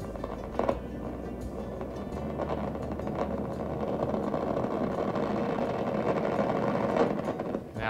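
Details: Needle EMG during a nerve conduction study: crackling static builds to a dense roar as the patient pushes the thumb progressively harder against resistance, showing normal motor unit recruitment into an interference pattern.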